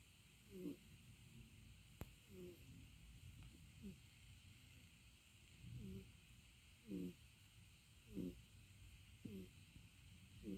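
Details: Cat snoring, long recording; snoring.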